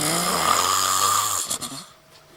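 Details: Very loud human snoring: a single loud, rough, rattling breath sound lasting over a second, then trailing off.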